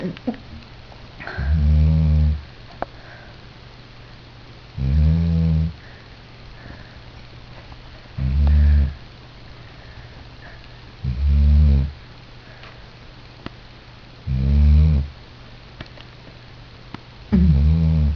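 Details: Sleeper exhausted after a P.A.T. visit: loud, low rattling snores with each breath in, about 19 a minute, separated by quiet breathing out; snoring.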